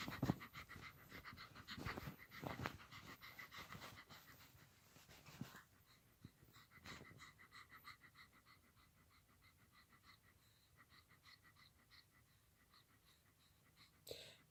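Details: Heavy, rapid panting like gasping for air in an 18-year-old toy poodle, two weeks after falling down steps and being unable to walk; vet gave a steroid shot; owner unsure of cause.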